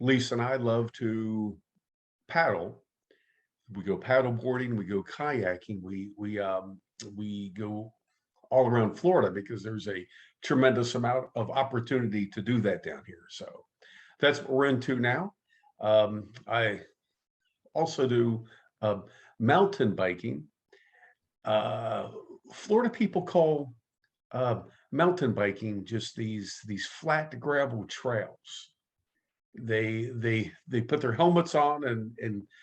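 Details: adult man who stutters, active in stuttering support community for over 25 years; word and part-word repetitions; stuttering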